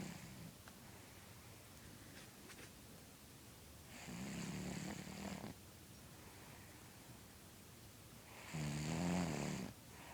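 Two long, rough snoring sounds from a sleeping cat, about five seconds apart, over quiet room noise.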